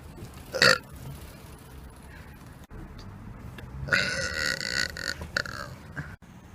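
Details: Deliberate burps done as a public prank outdoors: a short burp, then a longer drawn-out rumbling burp over street noise.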